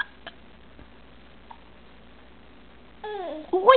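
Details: Hiccups in a 4-month-old infant, who seemed to find them funny: a few brief, sharp hiccups in a quiet room, followed by a soft infant vocalization.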